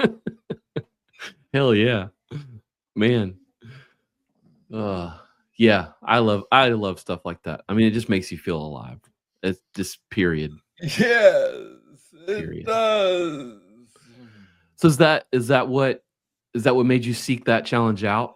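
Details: Adult man diagnosed with Parkinson's disease in 2014 at about age 35, first misread as tennis elbow; noted to speak slowly. Slow, halting speech in Parkinson's disease.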